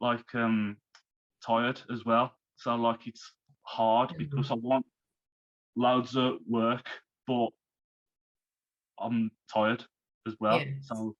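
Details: Man who had a stroke at age 33, about three months earlier, still recovering and overcoming speech difficulties; post-stroke aphasia.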